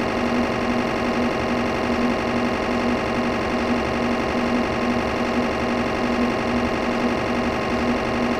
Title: Mri Machine Capturing / Magnetic Resonance Imaging MRI Machine Capturing 08 Wav